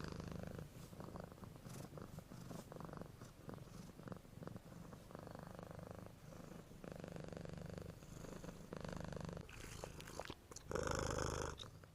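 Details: Cat snoring: steady low rumbling breathing with a soft buzzing quality through each cycle, then a louder breath near the end.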